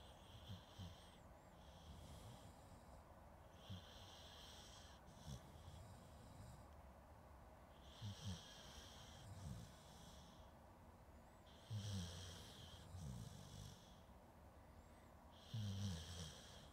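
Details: Soft, irregular snoring and snorting breaths, about 16 a minute, in a quiet room, recorded with a Zoom H2N; ordinary sleep snoring.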